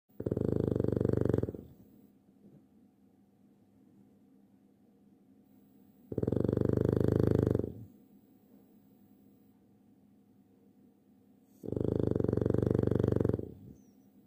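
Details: A sleeping Boston Terrier, a flat-faced dog, gives loud, rough, vibrating snores about every five to six seconds with quiet pauses between: heavy snoring.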